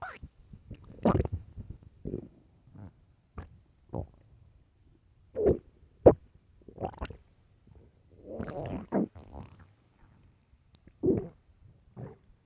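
Irregular gurgling, rumbling bursts with quiet gaps between them: loud stomach growling from a hungry stomach.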